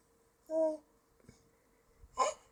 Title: Hilarious Hiccups